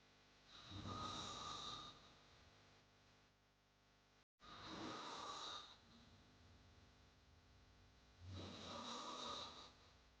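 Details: Sound-effect recording of hard, loud snoring: three loud, rasping snores on inhalation, about 16 a minute, with quiet exhalations between; snoring.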